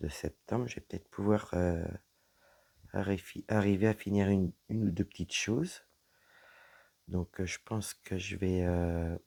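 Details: Woman whose vocal cords were damaged by a serious health problem; voice deeper than before, at times little voice, unable to speak loudly; low-pitched voice; dysphonia from vocal fold damage.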